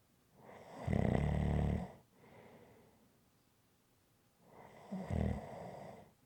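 Two loud, buzzing snores on breaths in, each followed by a soft breath out; rhythmic snoring in sleep, quiet room.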